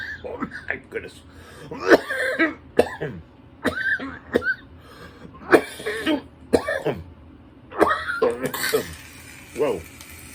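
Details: Senior adult after a vapor hit from an electric dab lamp: repeated harsh coughs with throat clearing, about eight bursts in ten seconds; coughing fit after inhaling vapor.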